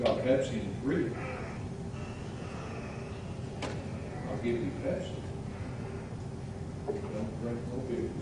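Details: A preacher imitating a former town drunk who had a speech impediment. Acted, not the real speaker's own speech impediment.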